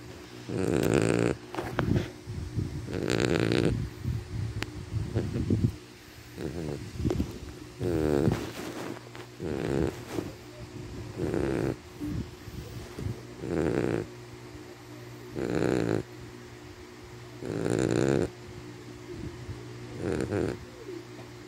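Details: Snoring in a sleeping dog: loud, rattling snores with snorty inhalations about every two seconds, roughly 25 breaths a minute.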